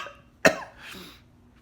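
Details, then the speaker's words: Single harsh, abrupt, dry hacking cough with a brief breathy exhale and no rattle, in a person with a persistent cough, headache and no fever, attributed to Covid; dry cough. "just a really gross hacking dry cough and i also have a headache so it's like every time i cough my head hurts at the same time really bad"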